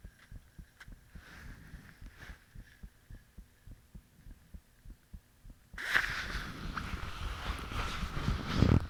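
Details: Self-recorded own heartbeat, fan off, shortly after the heart began feeling really thumpy: soft paired lub-dub beats at about 75 per minute, then a loud rushing noise covers them near the end.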